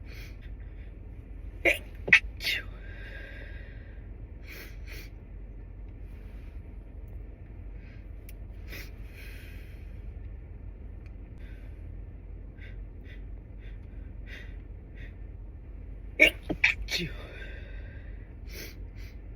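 Two clusters of short, muffled sneezes, each a quick sharp puff with a held-back catch, separated by a quiet stretch; stifled sneezing.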